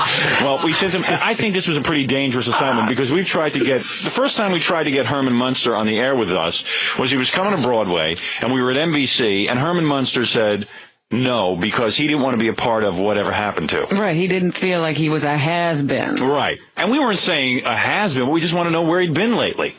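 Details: Adult men talking, radio broadcast; Conversational speech.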